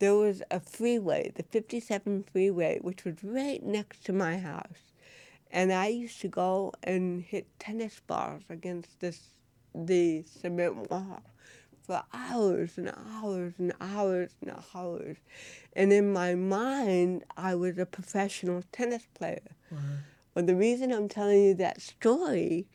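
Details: Real-life speech from an adult woman, an actress, with cerebral palsy present since birth and diagnosed at 18 months; dysarthria (cerebral palsy).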